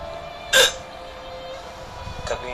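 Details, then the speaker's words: A boy with hiccups continuing since the night before last, stopping during sleep and returning on waking, intensity varying and worse after eating cheese-burst pizza; two short, sharp hiccup sounds over steady room noise: persistent hiccups. "परसों रात से लगातार आ रही है। सो रहे हैं तो बंद हो जा रही है, सुबह उठ रहे हैं तो फिर शुरू हो जा रही है।"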